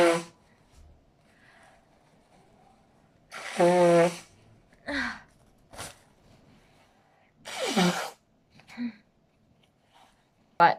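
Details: Japanese woman sneezing and blowing her nose: several sharp sneezes, some with a voiced cry on the exhale, between quiet sniffs and nose sounds; ordinary sneezing.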